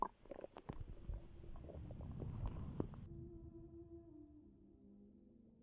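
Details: A pregnant woman's belly recorded before contractions began: quiet bubbling gurgles followed by a drawn-out, low growl. Ordinary bowel sounds, stomach growling.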